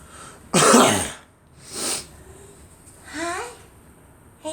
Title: Girl coughing